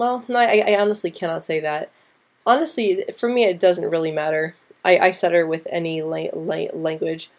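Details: Woman who stutters since about age 9 or 10, with repetitions and blocks at the start or middle of words, especially P, B and C sounds, worse with anxiety; stuttering.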